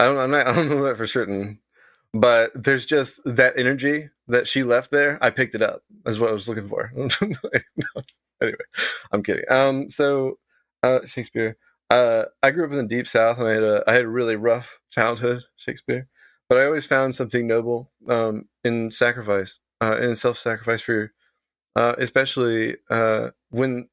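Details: Adult man with Tourette syndrome whose vocal tic is involuntarily saying the word "Shakespeare".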